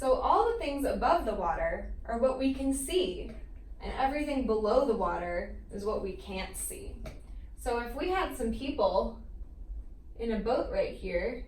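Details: Adult woman; typical speech.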